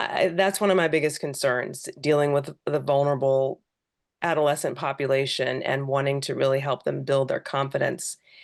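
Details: Adult speaker; normal speech.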